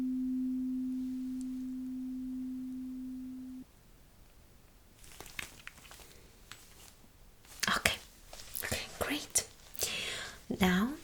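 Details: Simulated ASMR doctor-roleplay hearing test: steady low pure hum of a struck tuning fork fading over several seconds, with soft handling and whispered-style sounds, fork checked for equal sound and vibration at each ear and the top of the head.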